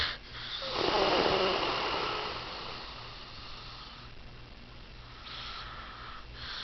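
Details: Snoring: one loud, harsh, rattling in-breath, then quieter noisy breathing over a steady low hum; described as very loud.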